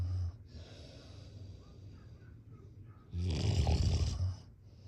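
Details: Snoring sounds during sleep.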